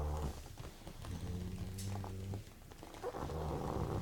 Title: Yoda, The Snoring Pug